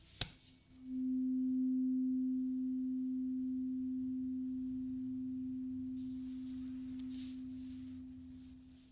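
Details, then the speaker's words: Acted ASMR ear-exam roleplay, last of three tuning forks, listener eyes closed, saying when the sound stops: struck fork rings with a steady pure tone slowly fading over several seconds. "Now the last tuning fork. Keep your eyes closed for me and just tell me when the sound stops."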